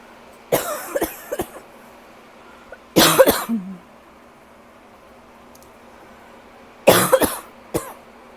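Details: Tickly cough, possibly starting to improve: three bursts of dry, short coughing, each a quick cluster of two or three coughs, separated by quiet pauses.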